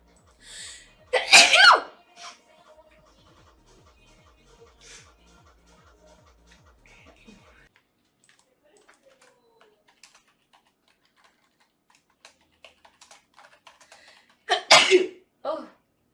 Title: Allergy Sneezing Compilation